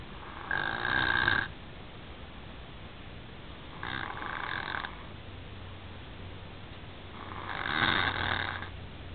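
Three rough, noisy breath sounds a few seconds apart, about 20 a minute, with quiet between: ordinary snoring during sleep.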